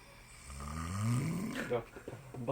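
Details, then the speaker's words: Two people snoring in turn while asleep: a rising, drawn-out low rumbling snore followed by short breathy sounds, with faint room noise. "지금부터 신기한 악장의 세계를 보여 드리겠습니다 에 먼저 코를 골면이어서 가 코를 굽니다"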